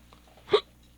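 A single abrupt, sharp voiced gulp stands out against quiet room noise: an adult hiccup.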